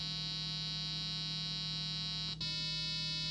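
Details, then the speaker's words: Simple hearing test played through an 8-ohm speaker driven by a 555-timer PWM circuit: a steady, harsh, reedy square-wave buzzing tone that briefly drops out and resumes. "we'll start at frequency of 20 hertz which is supposedly the lower range of human hearing"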